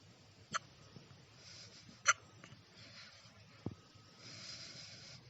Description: I was eating my breakfast, when i got the hiccups. And now, i am hiccuping for 3 hours!